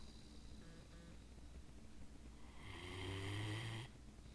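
One low, rattling snore on a breath in, over steady room noise.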